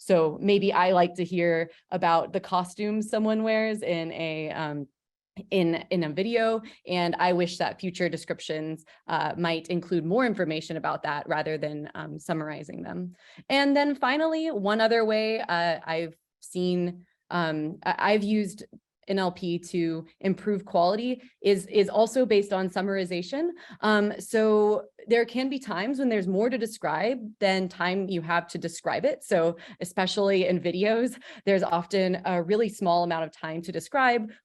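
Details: Woman who self-discloses a stutter and notes she may pause more when talking; stuttering.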